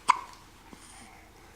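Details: Young boy with hiccups at home while a parent talks to him and his brother: one sharp, brief hiccup followed by a fainter second catch against quiet room noise.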